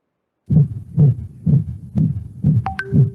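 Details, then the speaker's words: Systolic heart murmur: rapid low heartbeats around 125 a minute, each with a whooshing murmur filling the beat. "you hear that whooshing sound push push push push this thing okay so you call this a systolic okay"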